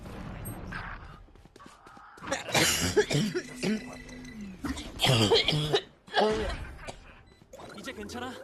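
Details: An adult game streamer who coughs a lot and says their throat hurts: several rough, throaty coughs mixed with talking and game noise.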